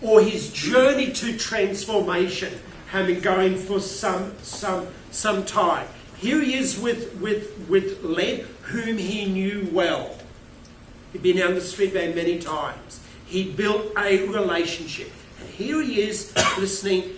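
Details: Adult male keynote speaker with a self-reported stutter who finds microphones scary, speaking at a conference; word repetitions; stuttering.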